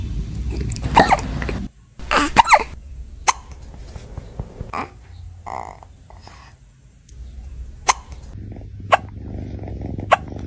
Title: Cats having Hiccups 🐱😭